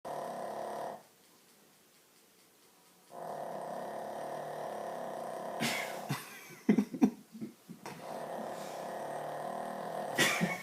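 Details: A sleeping dog's short snorting snore bursts over a steady humming background; normal sleep snoring.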